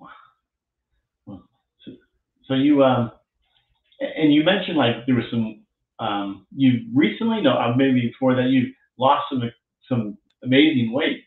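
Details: Adult man speaking; typical speech.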